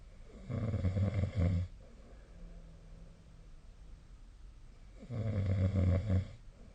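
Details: Sleep snoring: two deep, rough, rattling snores, each on a breath in, about four seconds apart, with quiet room noise between; snoring.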